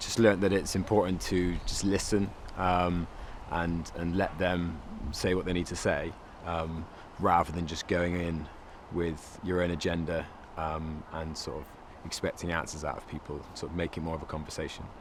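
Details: Adult man speaking; normal speech.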